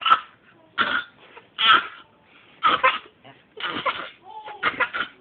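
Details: A run of about six harsh, forceful coughing bursts with brief pauses from an animal, which the owner wonders may be choking: coughing.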